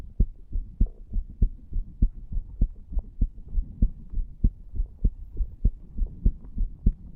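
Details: Steady, regular low heartbeat at about 98 beats a minute with faint background hum, from a 34-year-old male non-smoker lying on a bed, recorded over the tricuspid area after cigar nicotine and "green stuff"; brisk but ordinary rhythm.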